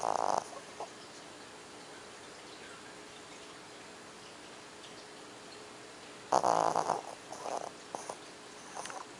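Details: Female pet dog snoring while sleeping: short rattling breath noises separated by a long quiet stretch; dog snoring.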